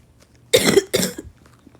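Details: Person who says they are still really sick, coughing while recording a gaming video: two harsh, forceful coughs in quick succession in a quiet room.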